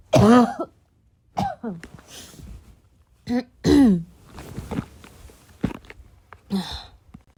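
A run of harsh coughs mixed with repeated throat clearing, some with a rough, gravelly edge: a coughing fit.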